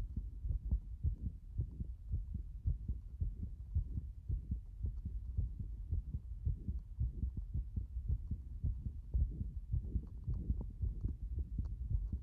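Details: Heart the owner says has been beating this way since this morning: fast, somewhat uneven low heart thumps at roughly 110 a minute over a noisy low background; possible rhythm irregularity.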